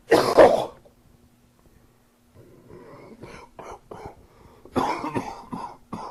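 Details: One loud, harsh cough, then a pause and quieter throat clearing and coughs during a summer cold; cough due to common cold.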